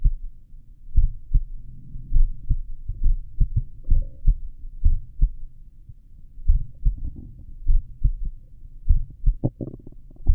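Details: Normal heart sounds at a slow rate, about 55 a minute, self-recorded with a stethoscope at the apex while lying down; strong, clear lub-dub beats.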